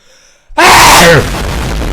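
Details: Person gives repeated "uh" build-up breaths, then one loud explosive sneeze followed by a fading release of air.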